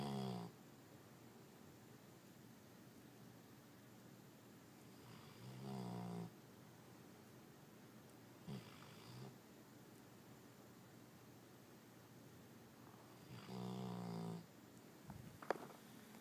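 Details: Sleeping dog snoring: slow, rough snores, three loud breaths in about sixteen seconds with quiet gaps between, then a brief click at the end.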